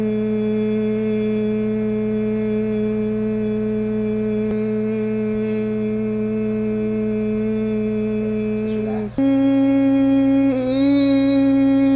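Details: Adult male; sustained phonation at two pitches during fiber-optic laryngoscopy, no nodules, extra mucus suggesting dehydration, vocal fatigue; vocal rest advised.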